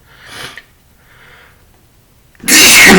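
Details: Adult male sneezing while talking, after having a few drinks: a soft breathy build-up and quieter intake, then a sudden loud burst of air.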